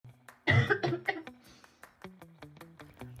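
A short run of about three forceful acted coughs from an adult, followed by plucked music.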